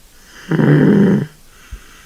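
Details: Kitten snoring: a single loud, rough snore of about three quarters of a second, then quiet.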